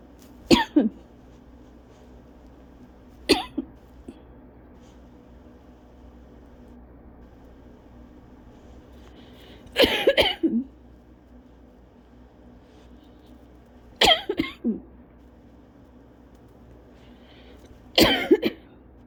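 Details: Adult with cough-variant asthma, recovering from bronchitis a couple of weeks earlier, gives five short, separate coughs over about 19 seconds, roughly one every four seconds: persistent cough.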